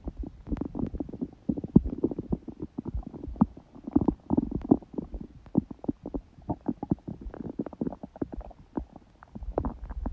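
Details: An adult's abdomen with quiet, gentle stomach sounds on a day after a smoothie breakfast and salad: frequent soft gurgles, clicks and low bubbling runs; ordinary active bowel sounds.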